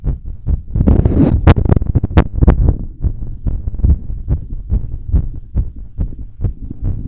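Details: Rapid, forceful heartbeat about 140 a minute with rubbing noise, recorded from the chest with a stretchy belt during stress from bouncing around and blowing up a giant balloon; normal heart sounds at a raised rate.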